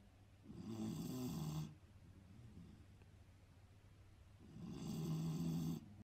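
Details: Two long, low, rattling snores on breathing in, with quiet breathing out between them; loud snoring.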